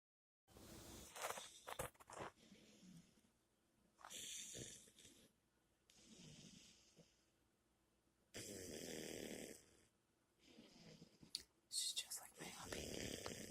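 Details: Small dog snoring while asleep: irregular noisy breathing with rough, hissing snores on several breaths.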